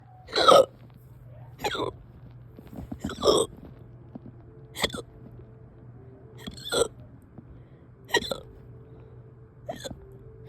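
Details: Repeated hiccups persisting over 2 hours, with abrupt voiced hiccups about every one to two seconds, seven in ten seconds, over low background hum.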